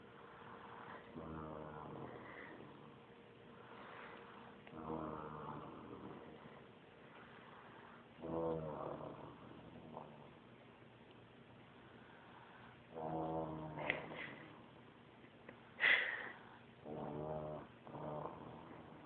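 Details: A cat snoring: soft, rhythmic, raspy buzzing inhalations separated by quiet pauses.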